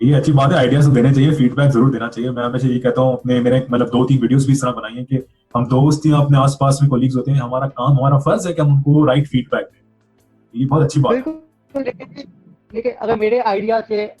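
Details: Adult male speaker, background music; ordinary speech.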